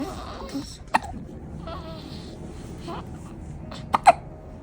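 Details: Repeated hiccups that won't stop: three brief, sharp hiccup catches over a few seconds against soft room noise.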